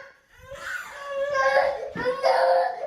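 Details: Toddler crying in rising, tearful wails with catches of breath in a small room, ordinary distress crying after being separated from his parent on her first day at work.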